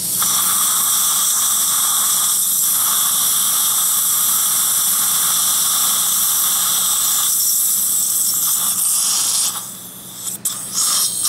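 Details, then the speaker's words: Guided implant surgery in a man's upper jaw through bone that is not very dense, drilling through the jig: steady high-pitched hissing whine of the surgical drill running continuously and stopping near the end. "all right so I'm going to take off The Jig so you can see what the effect of the first drill is"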